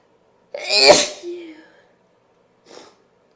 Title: Powerful sneezing (F)